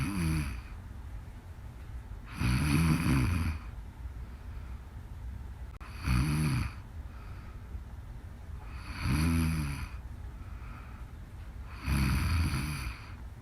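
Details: Deep, rattling snores about every three seconds, roughly 20 a minute, with soft breathing between them and faint background noise; snoring.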